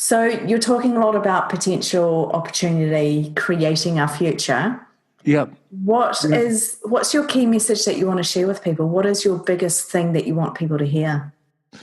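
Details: Adult speaker; normal speech.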